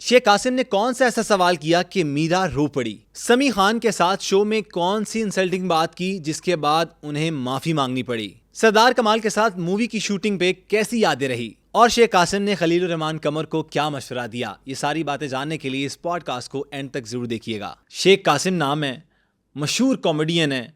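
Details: Adult male host; Ordinary speech.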